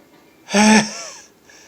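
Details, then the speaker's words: Repeated morning sneezing, a loud forceful voiced sneeze that trails off quickly, after trying a nose trick to see if it worsens morning multiples; person suspects airborne triggers during sleep, unsure of allergies. "to do the trick with my nose see what happens because i'm sneezing a lot of multiples anyways here comes hey hey hey"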